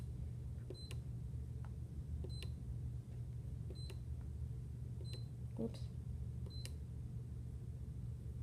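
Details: Series of short high beeps with soft clicks, about one every second and a half, as keys are pressed on a Hospira Plum A+ IV infusion pump, paging through the drug therapy library to select dopamine, over a low hum.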